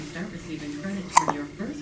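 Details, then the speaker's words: Person with hiccups, two brief abrupt catching sounds close together in a quiet room; observer remarks it sounds like it hurts. "poor goodness doesn't it sound like it hurts yeah it should hurt it sounds awful it just sounds awful"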